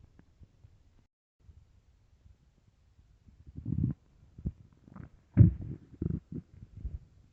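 Quiet, then several low gurgling growls in a quiet room: stomach growling (borborygmi), a normal bowel sound often linked with hunger.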